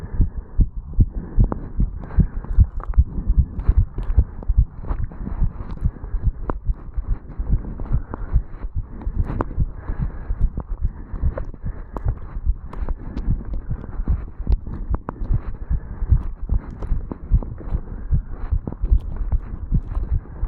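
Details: Heartbeat of a 35-year-old male recorded at the mitral valve area after jogging up stairs, rapid and regular at roughly 150 beats a minute with movement noise from running; exercise-induced sinus tachycardia, a normal response.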